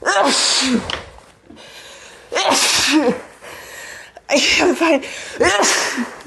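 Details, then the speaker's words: Acted sneezing fit blamed on bad allergies: repeated forceful sneezes in quick succession, each with a sharp intake before it, with glasses lost during the fit. "oh my goodness my allergies have been so bad today"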